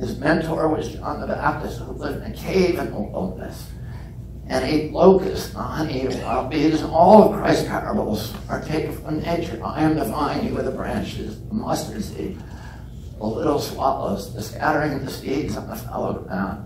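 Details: Real adult man with spasmodic dysphonia (he calls it spasmodic dystonia), onset at age 42 after a previously strong voice; he reports symptoms lessen or go away after speaking a while. Finding: spasmodic dysphonia.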